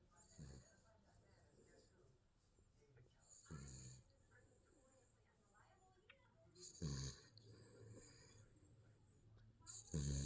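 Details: Baby snoring in sleep: soft snoring breaths about every three seconds, near 19 a minute, between quiet room noise.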